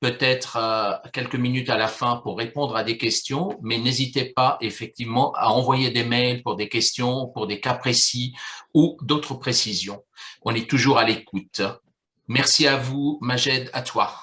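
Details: Adult male speaker; normal voice.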